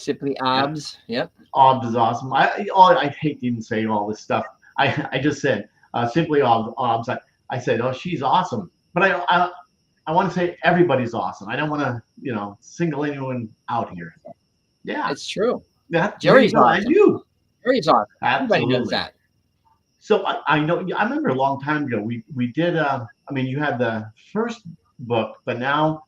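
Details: Adult man with aphasia caused by stroke; first stroke on September 26, 2011, three strokes in all. Initially could not read, write or speak well, with grammar and syntax damaged. Had seven months of formal speech therapy plus an aphasia group. About ten years later he still has aphasia, though speech is greatly improved. Aphasia.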